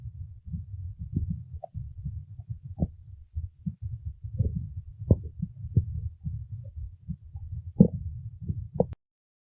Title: stomach growling 11